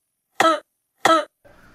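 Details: Comedy sketch with acted, simulated coughs: two short sharp coughs, then a faint rough throat-clearing sound.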